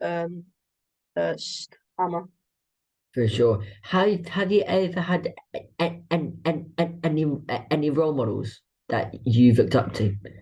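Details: Adult woman with a stammer involving blocks; stammering.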